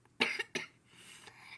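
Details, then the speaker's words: Two short, dry coughs in quick succession from a person who is a little sick and has been coughing a lot, during a bedtime skincare routine, then quiet room noise. "Sorry, I had the coughs, so sorry."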